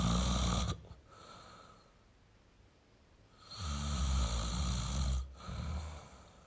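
Two long, low, rattling snores on the in-breath, separated by a quiet pause. Ordinary snoring.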